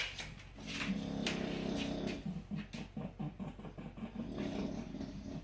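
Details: Bulldog snoring: loud, rumbling, fluttering breath noise, first in a long stretch and then in quick rough pulses; noisy snoring in a short-nosed dog.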